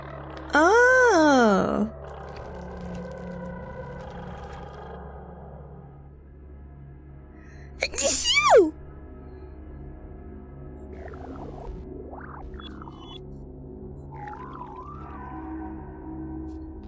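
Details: A female VTuber sneezes during a livestream: a rising voiced wind-up, then a sharp squeaky sneeze over steady background music. Sneezing.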